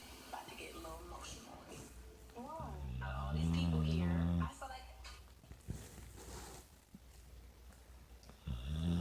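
Low rumbling, fluttering snorts during breathing in a quiet room; a sleeping dog snoring.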